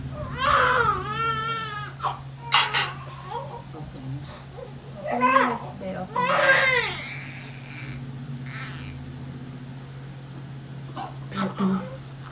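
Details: Newborn's short bursts of crying right after a hard, painful vaginal delivery with pushing, over a steady hum and quiet voices in the room; an ordinary newborn cry.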